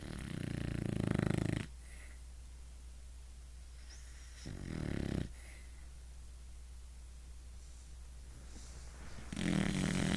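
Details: Dog sleeping: loud rattling snores on each breath in, with quiet pauses between, about three breaths in ten seconds, in a small room; snoring.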